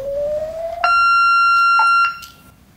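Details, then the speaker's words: Defibrillator paddle function test on a corpuls3 with paediatric paddle adapters, 10 J selected and discharged into a test box: a rising charging whine, then a steady loud tone with short beeps as the shock is delivered. "Additionally, we can see on the monitor, that a shock has been successfully delivered."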